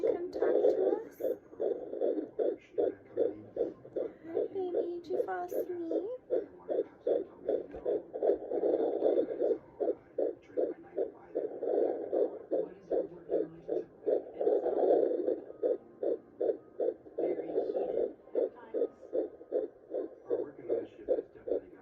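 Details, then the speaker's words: Fetal heartbeat at 15 weeks of pregnancy, recorded with a home Neva Doppler and aloe vera gel: rapid, regular whooshing pulses at about 155 beats per minute. "This video is for Nana Bear so she can hear the baby's heartbeat. We're using the Neva Doppler and just some good old aloe vera gel."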